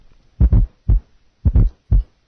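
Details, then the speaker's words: Simulated heart at about 56 a minute with a fourth heart sound (S4 gallop) just before S1, heard with the stethoscope bell lightly held; the S4 disappears when pressure is put on the bell. "listen now to a heart with an s4 with a bell lightly held then pressure will be put on the bell"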